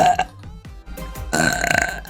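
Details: A VTuber on a livestream gives a loud, drawn-out, rumbling belch over background music: a burp.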